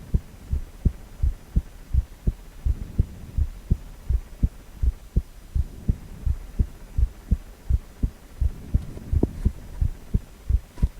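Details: Adult male heart on ultrasound, 4-chamber view: steady low thumping heartbeat about 80 beats a minute with a faint hum behind it.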